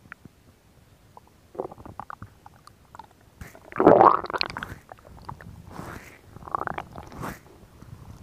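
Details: Woman's stomach growling recorded for ASMR: borborygmi, bowel sounds.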